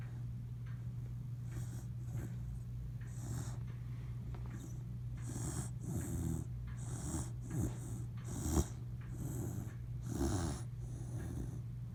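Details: Sleeping dog snoring: repeated rough, snorting breath noises roughly every second over a steady low hum.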